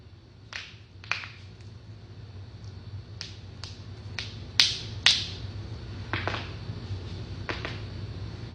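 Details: Compilation of joint cracking: about ten sharp, irregular pops and cracks of cavitating joints over a low room hum.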